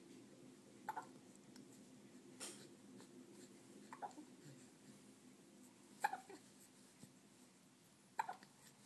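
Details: Four soft, abrupt hiccup sounds at irregular intervals against quiet room noise; hiccups.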